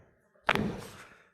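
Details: Chiropractic hip and sacral adjustment with a big breath: one sudden thud-like pop followed by a short rush of breath.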